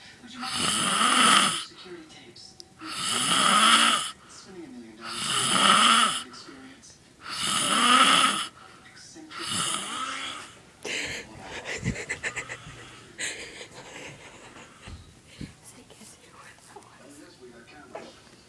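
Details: Adult man snoring up a storm: loud, harsh rattling snores on each breath in, about 27 a minute, fading to quieter breathing and room noise.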